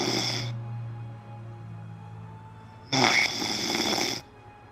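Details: Friend fallen asleep after 12 hours of watching a live stream, snoring: two harsh, rattling breath noises with a steady low hum between them.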